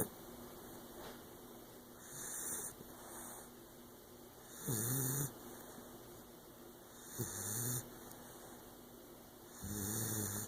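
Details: Puppy bulldog snoring: rhythmic snorting snores with some whistling, about 24 breaths a minute, over steady room hum; snoring in a flat-faced dog.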